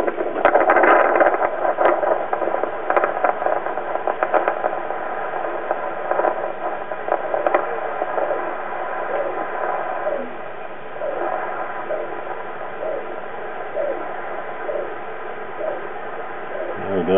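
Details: Doppler heart monitor on a pregnant female boa constrictor due to give birth soon: hiss with faint, soft rhythmic pulses of the unborn snakes' heartbeats, roughly 60 a minute, coming and going.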